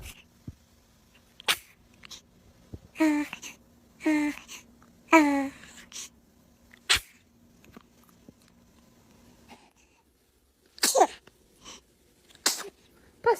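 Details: Baby's first sneezes: several short, sharp sneeze bursts amid small vocal squeaks, with soft background voices and laughter, someone saying "bless you."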